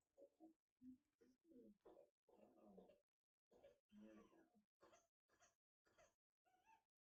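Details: Baby with whooping cough (pertussis, Bordetella) coughing in a rapid run of short, strained bursts, a paroxysmal fit.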